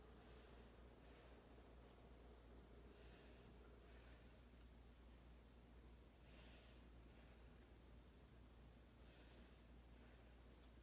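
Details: Real student-nurse respiratory assessment: stethoscope auscultation over the front chest during deep breaths. Soft, even breath sounds with no wheeze or crackles; clear lungs, normal breath sounds.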